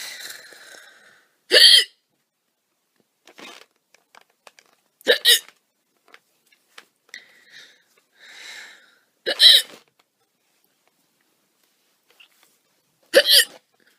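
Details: A woman has loud hiccups (singultus): four abrupt hiccups about four seconds apart, with soft breathing and small noises between them.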